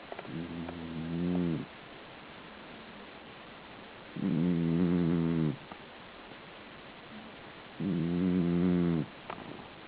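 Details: Slow, regular snores with a low, buzzing vibration on each breath in, about 17 a minute, separated by quiet pauses; snoring.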